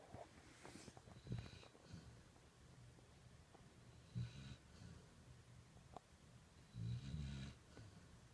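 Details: Soft, low, irregular snoring snorts from a sleeping puppy in a quiet room, likened to a grandpa; puppy snoring.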